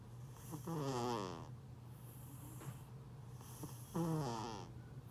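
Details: Fat cat deeply asleep, snoring: two loud, buzzing snores about three seconds apart with softer breaths between; harmless snoring.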